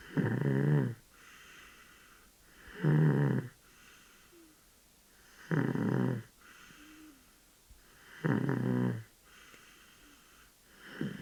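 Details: Sleeping 13-month-old baby snoring: regular rattling snores on each in-breath, about 22 a minute, with quiet out-breaths between.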